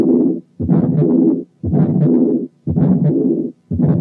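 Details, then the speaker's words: To-and-fro systolic and diastolic murmurs, given to contrast with a pericardial rub: long rushing murmurs fill most of each cycle with only brief quiet gaps, at about 58 beats a minute. "هسمعكم صوت حالة فيها both systolic and diastolic murmurs عشان تعرفوا الفرق بينها وبين الرب."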